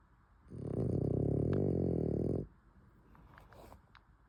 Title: My Rosie snores #dogsofyoutube #frenchbulldog #frenchie #frenchiesofinstagram